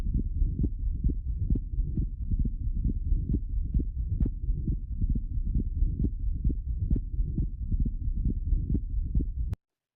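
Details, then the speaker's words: Atrial septal defect: low, regular heart sounds with wide splitting of the second heart sound and a soft flow murmur across the pulmonic valve. "Then this is a wide splitting of the S2. This you can see in case of an atrial septal defect."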